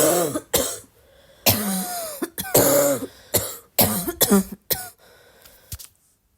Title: how would you describe my cough?